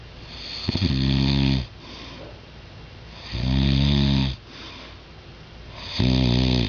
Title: my dad snores